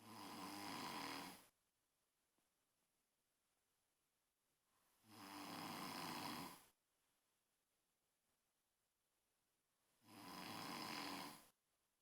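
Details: Snoring: loud, harsh snores repeating about every five seconds, roughly 12 a minute, with quiet pauses between them.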